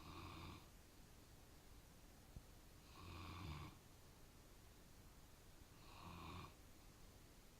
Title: Snoring bernese mountain dog